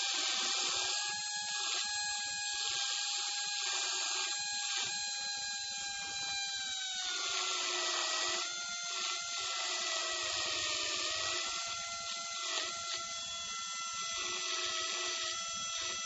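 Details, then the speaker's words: High-speed dental drill with a straight fissure bur: continuous whine shifting pitch while preparing lingual, axial and facial walls of a conservative class II slot cavity, distal surface of tooth 25. "Now you can see the straight fissure preparing the lingual wall and now the axial and facial wall."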